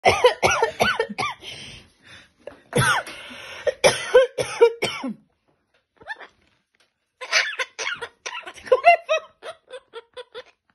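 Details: A pet parrot in Italy, having heard its owner cough in winter, produces repeated bursts of human-like coughing, a learned imitation of the owner's cough rather than illness.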